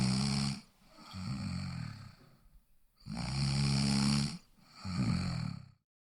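Loud, rough, vibrating breaths in and out with brief pauses between; snoring.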